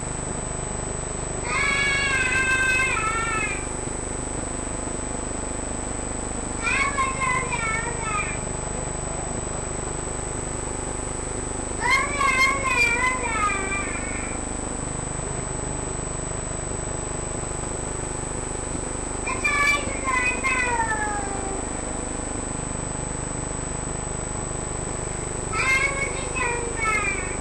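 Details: Three-year-old boy with a 7-month history of difficulty breathing who can't sleep at night: high-pitched, squeaky, musical noises recur with breaths, stridor from a narrowed upper airway.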